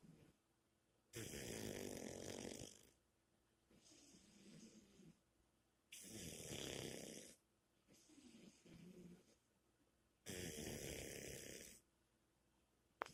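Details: Girl snoring: three loud, rough snores on the in-breath with softer out-breaths between, roughly every four to five seconds; ordinary snoring.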